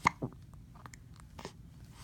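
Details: 10-week-old infant with hiccups: two sharp, brief catches followed by faint squeaks.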